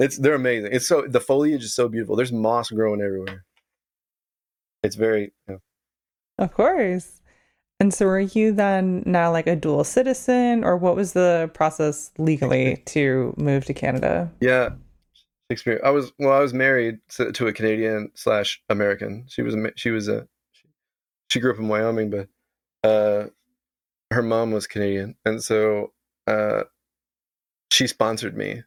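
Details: Adult man with Tourette syndrome whose vocal tic is involuntarily saying "Shakespeare", interrupting his sentences several times; vocal tic (Tourette syndrome).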